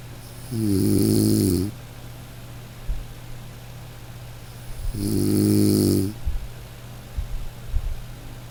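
Two loud, rattling snores on the breath in, about four seconds apart, with quiet breathing between them and a steady low hum behind.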